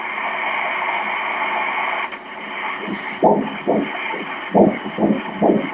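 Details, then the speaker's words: Doppler ultrasound of a twin pregnancy at 7 weeks 3 days: steady hiss, then rapid rhythmic whooshes near 140 a minute, one twin's fetal heartbeat, while the emotional mother breathes faster. "به قلب بچه که اینجا می تپد نگاه کنید، قلب اینجا می تپد، نگاه کنید، مادر احساساتی است و تندتر نفس می کشد"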